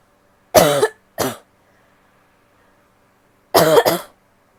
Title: coughing (f)